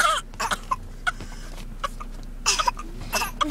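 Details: Young twin girls faking coughs, copying their older sister, not actually sick: short, light, deliberate throat-clearing coughs; voluntary (fake) cough.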